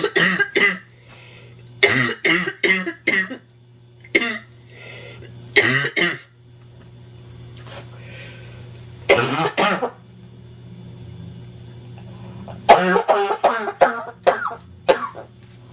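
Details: Adult woman, sick and stuffy with a nasty cold, coughing relentlessly: repeated harsh, barking coughs in short clusters.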